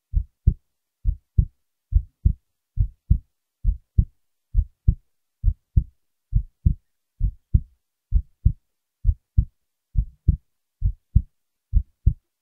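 Steady paired lub-dub heart sounds at about 67 beats a minute, regular and clear: an ordinary heartbeat.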